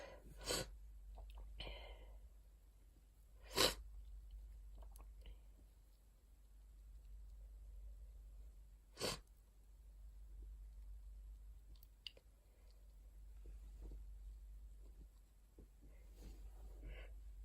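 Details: Dust allergy sneezing while clearing out an attic: three sharp sneezes spaced several seconds apart, with sniffing and breathing between them.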